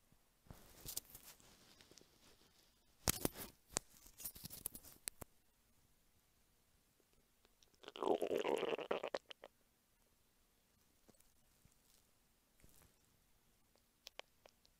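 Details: Scattered soft clicks and scratches, then one bubbling gurgle lasting about a second, from a hungry adult woman's belly recorded for ASMR; hunger stomach rumbling (borborygmi).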